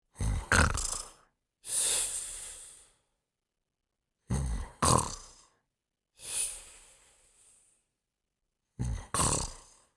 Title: Fafa's Dream Team Marathon: The Pink Panther Sleeping and Snoring in 1 minute and 3 seconds